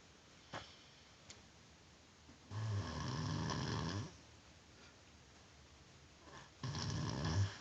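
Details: Snoring from a sleeping adult: rough, low, rattling snores on the in-breath, two breaths with quiet pauses between.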